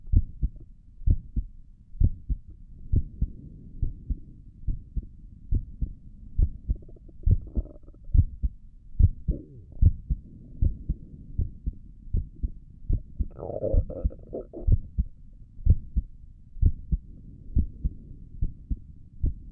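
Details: Heartbeat heard through a stethoscope on the chest for an ASMR recording: regular paired lub-dub at about 70 a minute with occasional soft rustling; stomach gurgles occur during the recording; normal heart sounds.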